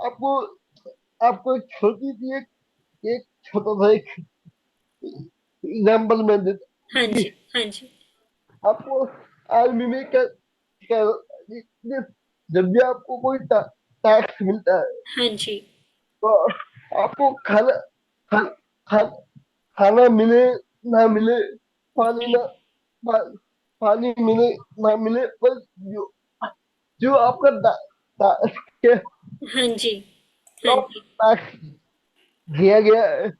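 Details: Young adult man with cerebral palsy since age 2; could not speak as a child and still needs double effort to speak, cannot say things clearly; dysarthria (cerebral palsy).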